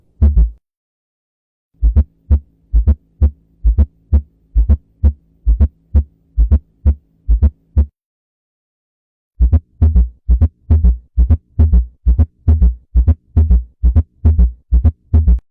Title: Abnormal Heart Sound